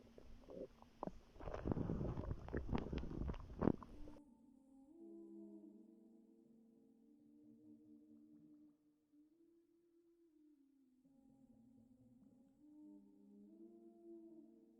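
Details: Stomach growling in a pregnant woman, relaxing before contractions began: gurgling and crackly bursts at first, then long, low, droning rumbles and growls from gas and fluid in the gut.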